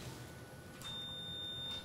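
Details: About one second of steady high electronic tone over quiet room noise, X-ray checking lateral position in percutaneous screw fixation of a non-healed Jones (fifth metatarsal) fracture in a 45-year-old woman; fluoroscopy exposure beep.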